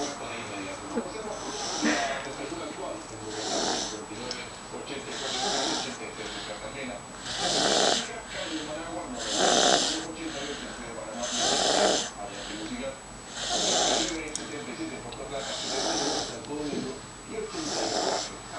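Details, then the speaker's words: Baby girl who has snored since birth, like her parents: rhythmic noisy snoring on each breath, about 30 breaths a minute, over a steady background hum; infant snoring. "Que los bebés no roncan. Pues esta bebé ronca desde que nació."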